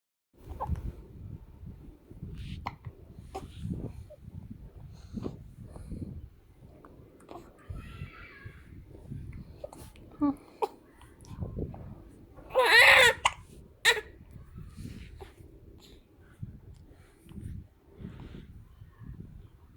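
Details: Hiccups: repeated short, sharp, jerky breath catches at irregular intervals with small vocal sounds between them.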